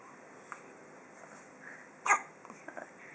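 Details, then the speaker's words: Single sharp hiccup from him against quiet room noise, with a few faint clicks after it; hiccups. "you ruined my hiccups cuz of that a real good hiccups huh oh that's a big one goodness gracious"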